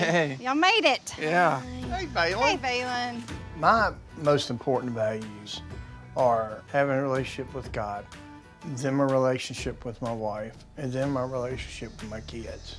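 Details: Adult man speaking, with brief greetings from others and background music; ordinary speech.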